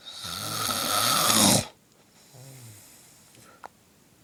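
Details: One loud, harsh, rattling snore on the in-breath, then a soft voiced out-breath; typical loud snoring.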